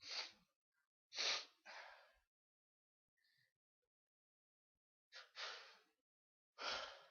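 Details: Adult: a bout of about five sharp, hissing sneezes in quick succession, some paired, with quiet pauses and excuse-me's between them.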